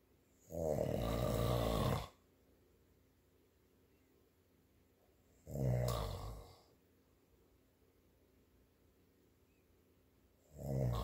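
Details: Person snoring: deep, rattling snores on each in-breath with quiet pauses between, about 12 breaths a minute; ordinary snoring.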